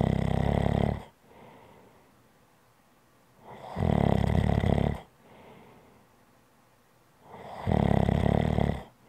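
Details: ASMR relaxation recording: loud, rough, vibrating snores about every four seconds, each followed by a quieter breath out, in a small room. Snoring.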